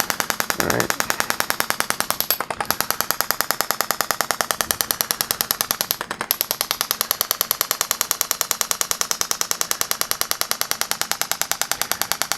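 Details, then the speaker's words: Live demo of radial shockwave therapy for neck pain and spinal ligament injury: rapid steady mechanical clicking pulses at 10 Hz, applied at tolerable pressure over the cervical vertebrae around C4–C6. "i have it at a tolerable pressure for uh to work on the vertebrae the frequency is at 10 hertz"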